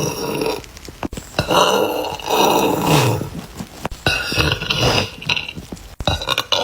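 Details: Girl burping: several loud, drawn-out, rumbling belches separated by short pauses; repeated burping.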